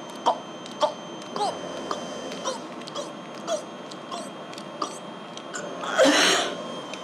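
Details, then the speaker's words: Respiratory therapist demonstrating exaggerated glossopharyngeal breathing after a maximum breath, taught to a ventilator-dependent patient with a C2 spinal cord injury and tracheostomy. Series of small, regular gulping throat clicks about every half second, ending in a longer breathy release. "I think it's best right now that I do glossa fragile breathing in front of you so you can visualize the movement of my throat muscles and I will exaggerate I take my maximum breath because if I don't do this I made cheap with my diaphragm"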